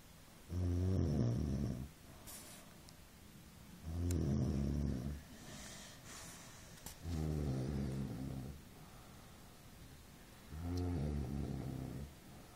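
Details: Snoring during sleep: loud, buzzing, vibrating snores on each breath, about 18 a minute, with quiet pauses between.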